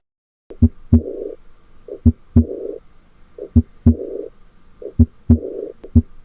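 Regular heartbeat near 60 a minute with a soft, fading murmur just after the second sound; a pulmonary regurgitation murmur.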